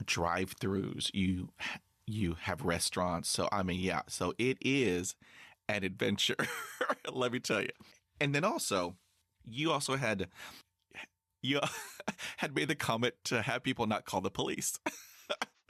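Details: High school senior male with stuttering that began severely at age 10, in speech therapy for six years; stuttering.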